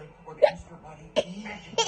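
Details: Three abrupt, brief hiccup sounds, each a sharp gulp of voice, between quiet talk; hiccups.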